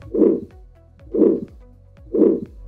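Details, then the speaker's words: 82-year-old hypertensive man who fainted while gardening, with exertional breathlessness and fatigue: regular heartbeats with a harsh rasping murmur, best heard at the right second intercostal space radiating to the carotids; severe aortic stenosis, echo-confirmed. "He is alert and on oscultation he has a harsh murmur that sounds like this."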